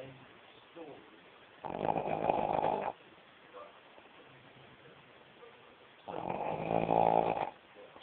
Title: Snoring